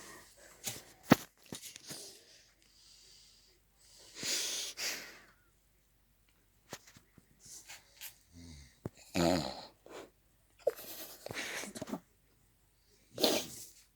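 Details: Irregular noisy snorts and wheezy breaths with a rough rattling quality in a quiet room, recorded as a joke about a friend who fell asleep snoring ("snore copy cat"). Snoring.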